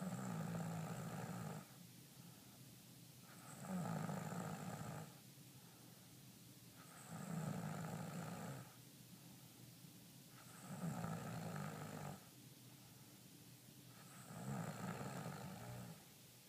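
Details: Sleep snoring: a low snore recurring steadily about every 3.5 seconds, near 17 breaths a minute, with quieter exhalations between.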